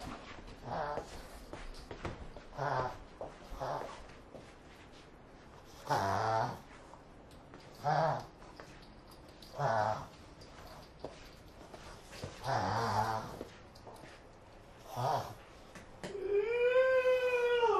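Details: Pug (Prince Giovanni) reverse sneezing: repeated loud snorting, honking inhalations, then a brief whine at the end.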